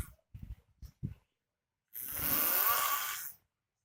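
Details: Very loud snoring from a homeless man asleep on floor tiles: short snorting breaths, then one long, loud, rough rattling snore. Heavy adult snoring.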